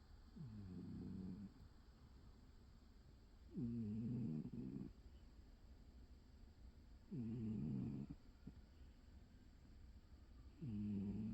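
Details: Old cat snoring while napping: low, rumbling snores about every 3.5 seconds, near 17 a minute, with quiet breathing between.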